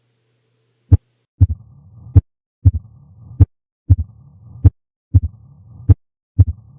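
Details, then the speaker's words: Teaching recording: loud first heart sound, opening snap after the second, and low-pitched diastolic rumble at about 48 beats a minute; mitral stenosis murmur. "with a bell because the stethoscope bell is better than the diaphragm for picking up low pitched sounds the sounds that classically fall into that category are a mitral stenosis murmur an s3 and an s4"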